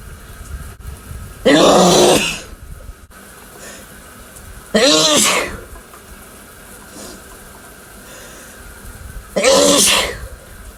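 Three forceful, explosive sneezes with a voiced burst, separated by quiet pauses in a small room.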